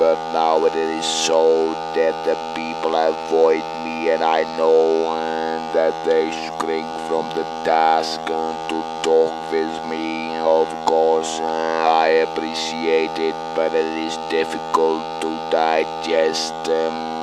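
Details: Adult man speaking with an electrolarynx; electrolarynx speech after laryngectomy.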